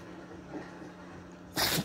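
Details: Shih Tzu dog with a sudden run of repeated sneezing lasting over 30 minutes, never seen before: a single sharp, explosive sneeze after quiet breathing noise.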